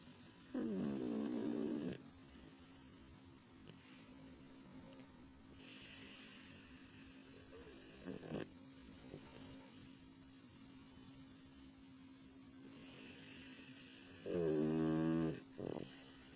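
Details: Pug snoring: loud, buzzing snores from a small flat-faced dog with long quiet gaps between them, over a steady background hum.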